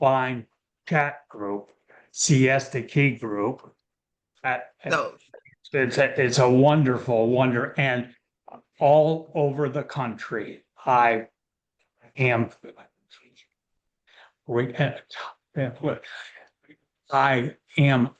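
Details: Post-stroke aphasia in a man who long ago could not speak at all, now a panelist at an aphasia conference; real, unscripted speech.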